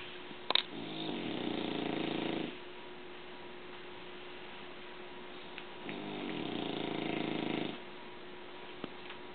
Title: ENGLISH BULLDOG ANGUS SNORING